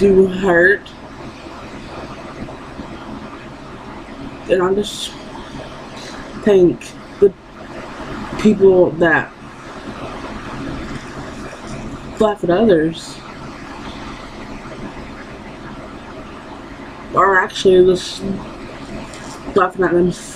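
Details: Young woman who has stuttered her entire life and still stutters despite speech therapy; finding: stuttering.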